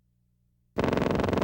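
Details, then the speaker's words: Complex repetitive discharges on needle EMG, from a university EMG laboratory teaching collection: brief silence, then an abrupt, steady, rapid machine-like buzz. CRDs in pathological states usually accompany profuse fibrillations and positive sharp waves. "In pathological states, CRDs are usually associated with profuse fibrillations and PSWs regardless of diseases. On many occasions, the generator can be accurately pinpointed because with a minimal needle movement from the generator, CRDs will cease firing."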